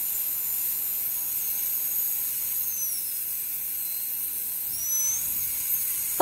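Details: Continuous high-pitched whine with airy hiss from a high-speed dental drill extending the occlusal outline proximally, bur kept perpendicular, in a Class II interproximal cavity preparation under rubber dam isolation.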